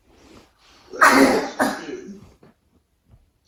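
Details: Habit cough (somatic cough syndrome, daytime while awake, absent in sleep) in a woman, later cured.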